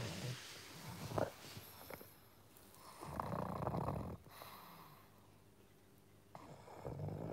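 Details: Sleeping pug dog snoring after a fun day: snorting, rattling breaths with pauses between them, ordinary snoring.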